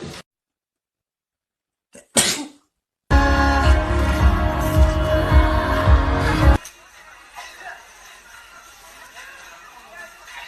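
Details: A single short, forceful sneeze, followed by loud music and then quiet background noise.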